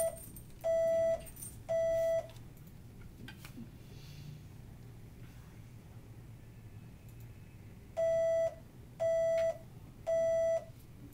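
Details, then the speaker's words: Cochlear implant activation in an 8-year-old girl with hearing loss diagnosed at 15 months who previously used bilateral hearing aids: threshold-testing beeps measuring T-levels, her softest detections on various electrodes. "really what we're doing is measuring what are called t levels and the tea levels um help set the soft levels for the implant"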